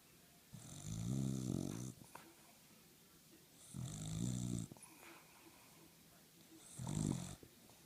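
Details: A dog snoring while resting on a couch: three loud, buzzing snores at about 23 breaths a minute, with quiet pauses between.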